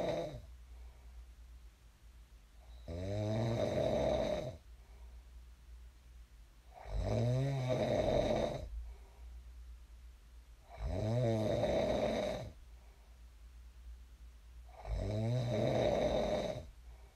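Loud rattling snores on each breath in, about 15 breaths a minute, with quiet breathing out between them.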